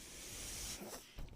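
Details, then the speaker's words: A man's mechanical ventilator makes a steady, airy hiss, then a brief softer pause and small mechanical clicks. "hello everyone my name is that noise you're hearing is my ventilator and"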